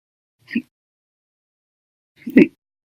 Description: The Violent, Bad Loud, Silent, Minute Hiccups, Second lasted 13 Hours and 1 Minute for after eating Breakfast, Lunch, and drinking 1 cup of soda after Dinner on 9/2/19.